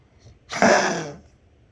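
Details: A single harsh, hacking expulsive burst with a rasping throat-clearing quality from a dog named Chessie; dog cough.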